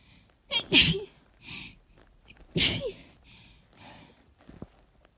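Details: Person woken up by sneezes: two sharp, explosive sneezes about two seconds apart, each with a quick intake before, then quiet breathing; sneezing.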